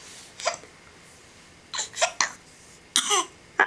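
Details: Infant boy with hiccups, wearing a bucket hat: short, abrupt catching sounds about every second.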